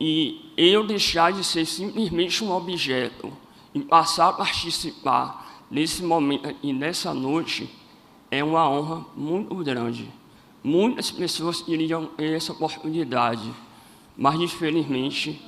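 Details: Adult man born with cleft lip and palate; first surgery at age 5, second at about 18, seven surgeries in all, speech therapy from age 7 to 17, and his voice never fully rehabilitated; cleft palate speech.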